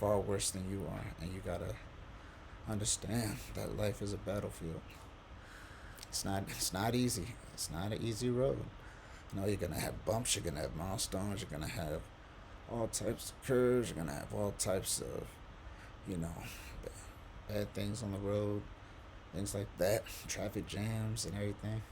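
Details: Adult quadriplegic man with C1-C2 spinal cord injury on a diaphragmatic pacer at 18 breaths per minute, able to talk only on exhalation, with pauses and difficulty getting certain words out; breath-limited speech on diaphragmatic pacer.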